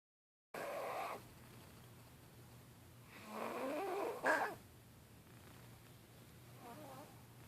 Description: Baby snoring crazy